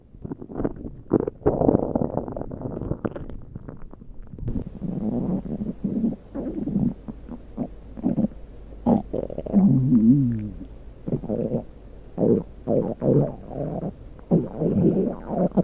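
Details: Stomach growling recorded on purpose: repeated low gurgling and rumbling growls from the belly coming in bursts, ordinary borborygmi.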